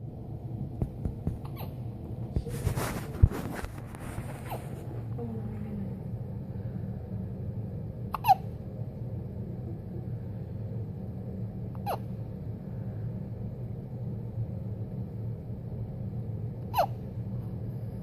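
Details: Newborn baby's first hiccups at 33 hours old: brief, sharp, squeaky hiccups at irregular intervals, about four over fifteen seconds, over a low steady room hum.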